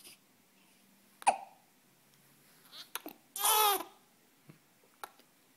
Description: Poor got the hiccups and he just didn't know what to do with them.